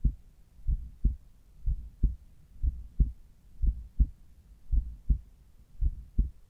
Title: Morning Apex- Heartsound, with Littmann Cardiology 4 Stethoscope.